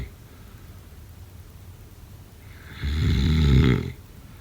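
After a quiet stretch, one loud, low, rattling snore lasts about a second on a breath in. This is snoring.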